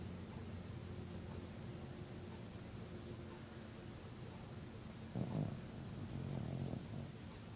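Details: Dog snoring during sleep: low steady rumbling background then two louder, rough low-pitched breath sounds.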